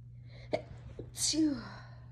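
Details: Person described as tipsy and high, one of several varied sneezes: short intake then a single voiced sneeze burst with a trailing vocal tail; ordinary sneeze.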